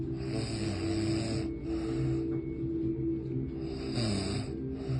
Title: Snoring bestfriend 🤣